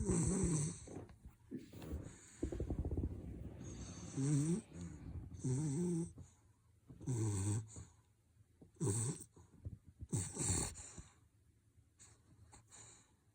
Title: When Your Frenchie Snoring With White Eye #funny #frenchie #fyp #dog#whiteeyes#viralshorts